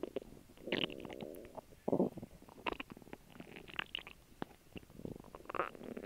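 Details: After a lunch of a grilled cheese sandwich and water: gurgling, bubbling rumbles and squeaks from the belly during digestion; normal active bowel sounds (borborygmi).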